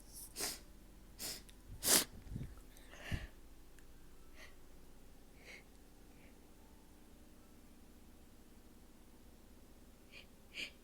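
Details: Self-provoked sneezing and nose blowing from a person with a stubborn, sore nose. Several loud, sharp sneezes close together, then sniffing and quiet breathing. Ordinary sneezing.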